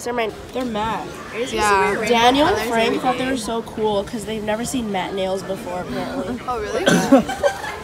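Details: Young female speaker; ordinary speech.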